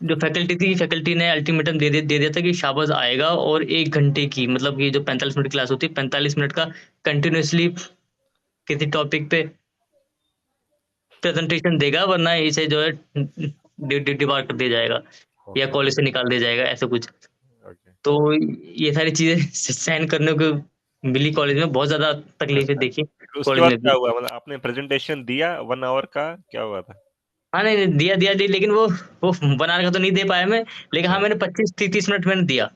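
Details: Adult man who stammers, teased for it as a child, with blocks and repetitions when speaking in front of people, and who uses stammering-association speech techniques; stuttering.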